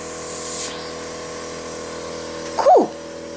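Steady mechanical motor hum with a whining drone and a brief early hiss, then a short squeaky swooping sound near the end; nebulizer compressor running.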